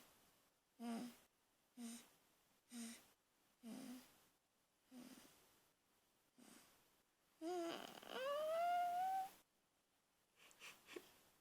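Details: Noisy breathing during sleep: quiet, regular low snoring noises on each breath, about one a second, then a longer whining, rising sound.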